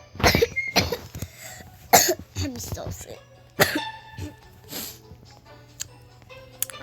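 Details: About four short, harsh cough bursts from a sick child with a fever, spread over several seconds with faint music in the background; an acute cough during illness.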